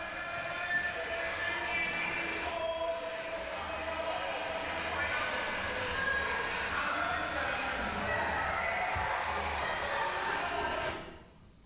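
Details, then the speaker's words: Female athlete, misdiagnosed and treated for asthma before the Olympics, breathing during hard exercise: harsh, high-pitched inspiratory stridor from exercise-induced laryngeal obstruction. "that noise it's not a particularly healthy noise it but she'd been going to the doctor saying that there was she was wheezing when she was doing hard exercise"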